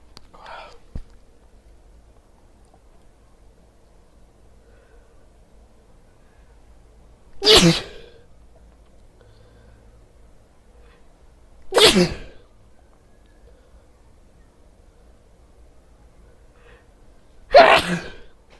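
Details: Three sharp explosive sneezes spaced several seconds apart in a quiet room while wearing headphones; sneeze.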